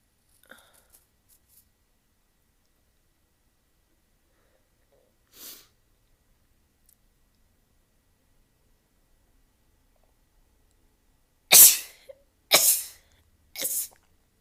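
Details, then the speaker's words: Rapid sneezing from a compilation: a quiet stretch, then three sharp, explosive sneezes in quick succession. "uh moving things around makes me sneeze"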